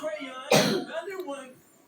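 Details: A single short, harsh cough amid quiet talk-like sounds during a candy mukbang with lots of coughing; a plain cough.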